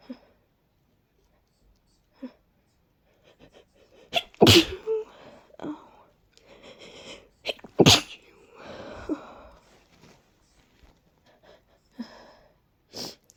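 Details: Repeated forceful sneezes with catching breaths and sniffles between them; a sneezing fit from allergies and a cold, after a deep tickle and a stuck sneeze.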